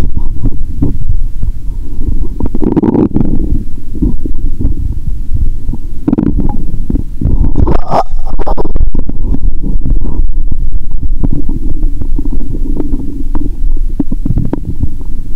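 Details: Stethoscope on own abdomen around noon while very hungry after waking at 7 am; watery stomach sounds heard even near the heart; continuous low gurgling and rumbling with scattered bubbling pops: active bowel sounds (borborygmi).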